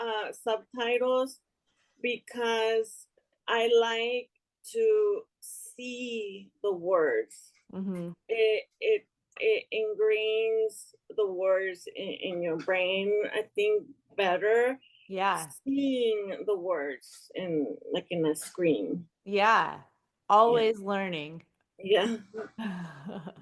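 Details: Aphasia in a woman after an ischemic stroke in March 2020 that left her unable to speak; improved but still recovering, heard in conversational speech.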